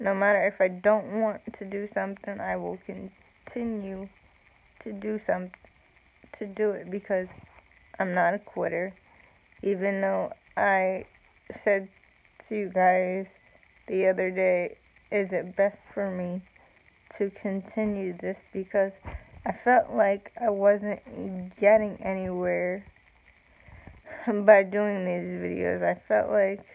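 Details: Speech of an adult woman with cerebral palsy, real; slow with long pauses, no specific speech disorder named.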